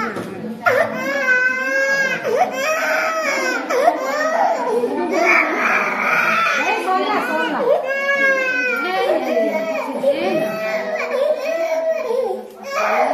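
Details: Baby crying after a painful injection: loud, steady, long strained wails; infant pain cry.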